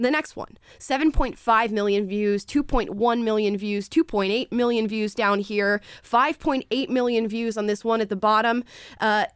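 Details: Adult female speaker; ordinary speech.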